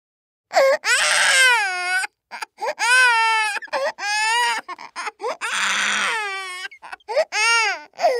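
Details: Loud, rhythmic wailing cries with gasping breaths between bursts from a baby boy nearly 9 months old; ordinary infant crying.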